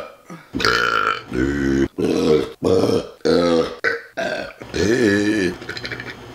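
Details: A run of about six long, loud, voiced belches in close succession, some drawn out with rising and falling pitch; repeated burping, from an ASMR bloopers recording.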